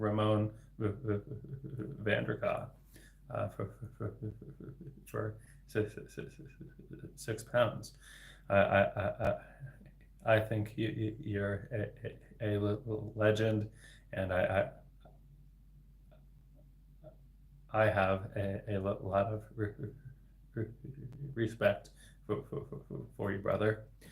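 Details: Stuttering beginning around age eight to nine in an adult man, a speech-language pathologist, with repetitions of sounds and words.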